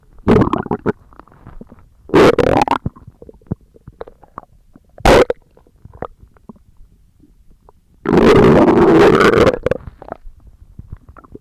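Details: ASMR recording of stomach growling: loud gurgling bursts and one long rolling growl with scattered small pops; borborygmi.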